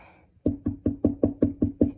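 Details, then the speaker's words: Finger percussion on the abdomen in a head-to-toe nursing assessment, middle finger struck over a hand laid flat: eight regular hollow, higher-pitched drum-like taps, resonant tympany. "It sounds like this, and that would be tympany. It's resonant. You can hear you can hear it kind of like a higher pitched sound."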